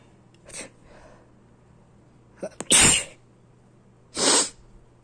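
Short catching in-breaths, then two sharp, forceful sneezes about a second and a half apart; ordinary sneezing.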